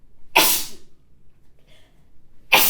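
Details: Adult woman sneezing while reading aloud: two abrupt, explosive sneezes a couple of seconds apart with a quiet pause between.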